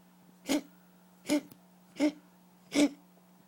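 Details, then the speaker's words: Cat coughing up a hairball: four short, harsh, gagging hacks in quick succession. "It's a nasty hairball. You feel better now?"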